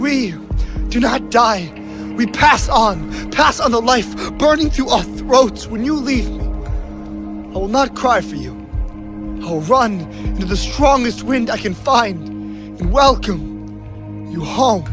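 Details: Adult speaker reciting poetry over background music; ordinary speech.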